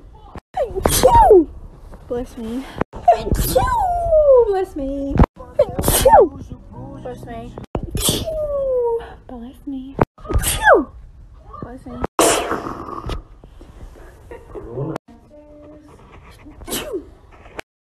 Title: sneezing compilation 1